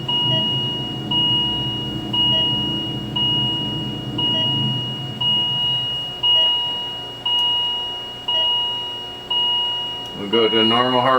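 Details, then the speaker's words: Repeating paired electronic alarm tones about once a second from a Philips MMS patient monitor during ECG testing, with the patient simulator set to 30 beats per minute: low heart rate alarm. "We'll start at 30. Just get the low alarm here."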